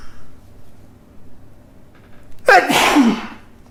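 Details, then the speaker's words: Induced sneezing with a closed tag to help it along: in a quiet room, a brief inhaled catch, then one loud explosive sneeze trailing off into a breathy exhale. "oh oh excuse me ah i felt good"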